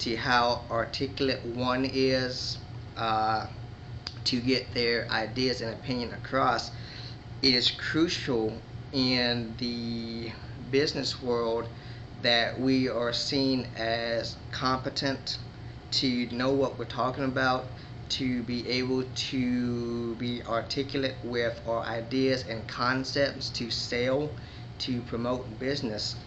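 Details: Man who identifies himself as a stutterer with moments of disfluency; finding: stuttering.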